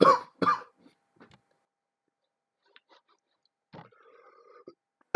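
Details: Two sharp coughs in quick succession, then a few faint noises and a short throat sound.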